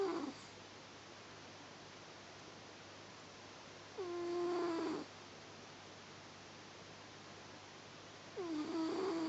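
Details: Snoring from a sleeping, newly adopted male pet cat.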